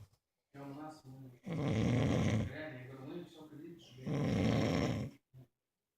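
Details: Man snoring: loud, low, rattling snores, about two long snores in six seconds with short quiet gaps; ordinary snoring.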